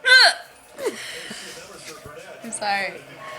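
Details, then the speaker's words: Friend who says she hiccups all the time and takes medication for it, and finds them painful; sudden sharp squeaky hiccups with light laughter and talk in between; hiccups. "why you taking a video of me hiccuping my friend has to take medication so she won't hiccup hiccups all the time"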